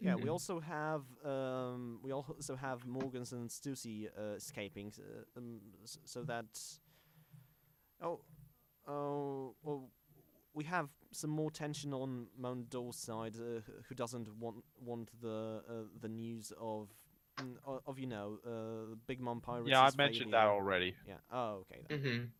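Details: Stuttering in a male podcast host who calls himself a stammering host, on a show combining podcast and speech therapy; stuttering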